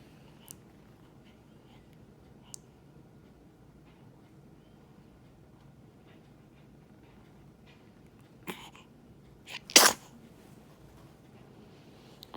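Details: Two-day-old newborn baby, eyes barely open, in a quiet room gives a small sharp sneeze after a brief catch of breath; ordinary newborn sneeze.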